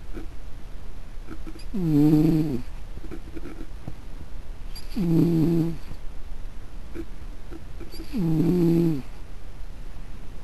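A cat snores in three tonal, buzzing rumbles about three seconds apart, roughly 19 breaths a minute, over quiet room hiss.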